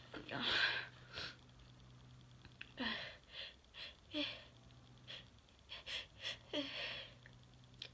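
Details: Sneeze from a 21-year-old who tries to say "I'm gonna sneeze" beforehand: quiet sniffs and catching breaths building toward an ordinary sneeze, with faint room hum.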